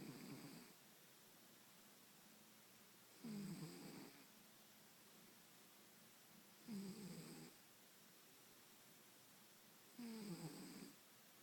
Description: My moms cat Pudge snoring